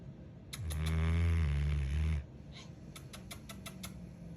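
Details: Tired, worn-out female Cane Corso puppy sleeping: one deep, low, rumbling snore under two seconds, followed by soft clicking sounds; snoring.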